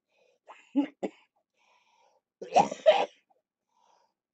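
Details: Two short bouts of harsh coughing, three small coughs then two louder ones, during lower-lobe chest therapy for cystic fibrosis with a rattling chest; productive cough.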